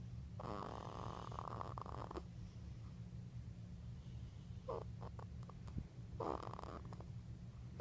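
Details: Rough, rattling snores in three bursts over eight seconds, with a steady low hum in the background; snoring.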